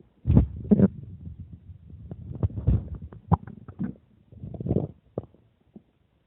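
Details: Stomach growling after drinking water: low gurgling and rumbling bursts with brief pops and quiet gaps; ordinary borborygmi, a normal bowel sound.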